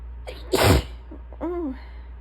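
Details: Person on a bad allergy day with swollen nasal passages: a short in-breath, then one loud, explosive sneeze and a brief voiced sound afterward, after a tickly buildup; allergic sneeze.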